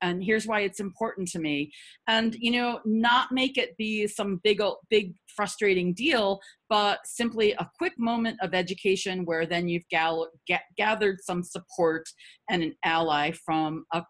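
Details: Stuttering in an adult woman who stutters; repetitions are audible.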